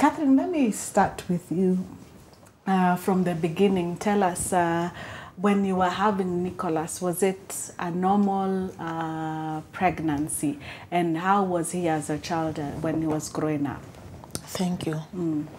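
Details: Adult woman speaking; typical speech.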